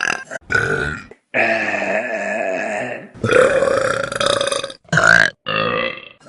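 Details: Burps from a Vine burp compilation: several loud, drawn-out voiced belches in a row, some long and rumbling.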